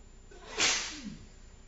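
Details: A single sharp, hissing sneeze burst with a brief voiced tail; one sneeze.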